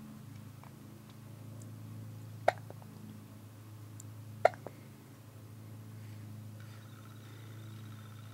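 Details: Hiccups in a person who always has the hiccups: two sharp, brief gulping clicks about two seconds apart over quiet room hum.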